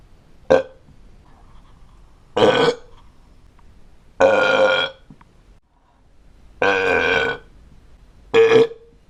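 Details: Adult man burping: five separate burps, from a short pop to long, croaky, drawn-out belches, with quiet pauses between.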